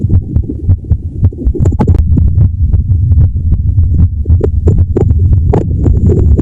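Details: Irregular heartbeat self-recorded by a woman in her 30s with MS receiving palliative care: low, thudding beats at uneven intervals under a steady hum.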